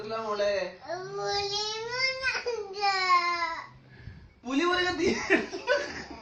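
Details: Baby crying while an adult talks in Malayalam.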